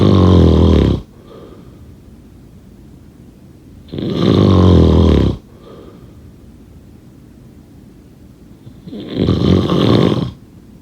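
Three loud, harsh, rattling snores, each about a second long, with quieter breaths between: heavy snoring.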